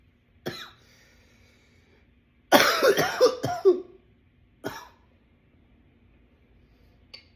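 A single cough, then a run of about five harsh coughs in quick succession and another cough; a coughing fit in a quiet room.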